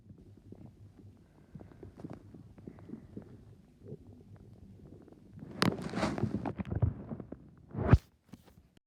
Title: My stomach growling